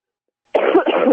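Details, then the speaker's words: Coughing in the background from an adult who has had the flu over recent weeks, with the illness also audible in the voice. "I haven't been feeling too well over the last few weeks. I've actually had the flu. You can probably hear me coughing in the background a bit, and you can probably hear it a bit in my voice."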